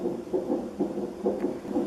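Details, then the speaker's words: Fetal heartbeat on a CTG monitor recording contractions while the mother was in early labor with a baby girl: rapid, regular whooshing pulses at about 140 a minute. "it's like when you when they record your your labor waves coming and the heartbeat of the baby and they had me connected to this machine"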